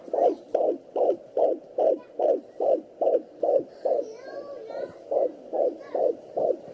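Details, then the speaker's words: Fetus at 19 weeks 4 days on a Sonoline B handheld Doppler, kicking as mother feels it; rapid regular whooshing heartbeat near 145/min briefly interrupted by a movement swish: fetal heartbeat with movement. "mommy just kicked him right away i'm feeling it kicking"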